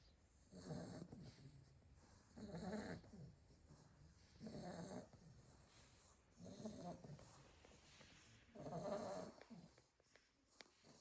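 Soft, rattly snores at a steady sleeping rhythm, about 30 a minute; puppies snoring.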